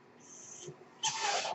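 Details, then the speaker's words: Noise of the speaker's own mechanical ventilator during a podcast recording: a soft airy hiss builds, then a sudden loud rushing whoosh of air as a breath is delivered. "Hello everyone, my name is. That noise you're hearing is my ventilator."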